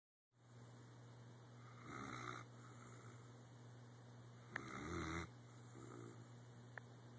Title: Weimaraner Snoring